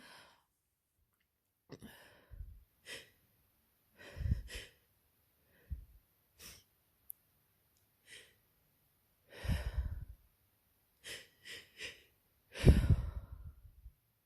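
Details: Person with a cold: sore throat, then a very runny nose, heavy congestion and frequent sneezing. Repeated short nasal sniffs and snuffly breaths with a few sharp sneeze-like bursts: sniffling with a stuffy nose.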